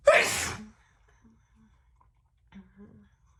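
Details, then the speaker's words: Woman who says she feels unwell: one sharp, explosive sneeze, then soft breathy sounds and a faint gasp; quick sneezes. "hey hmm well that is it for today i hope you enjoyed those little fast and quick sneezes"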